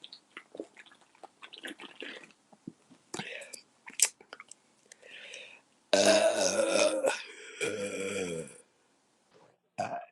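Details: Adult belching after a six-pack of beer: soft murmured sounds and clicks, then a loud, long, throaty belch and a second drawn-out one.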